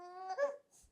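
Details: Infant boy crying, unimpressed and fussy; parent wonders if he wants to eat. A brief fussy cry, a steady tonal wail breaking into a louder wavering cry.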